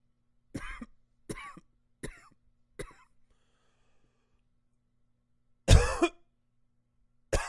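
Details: Adult repeated coughing: four short coughs in a steady run, a pause, then a louder, harsher cough and one more starting at the end.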